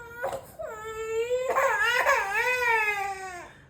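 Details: An infant girl cries in sustained, tonal wails with short catches between them, a fussing cry that starts when she is put down on the bed and stops once she is picked up and carried.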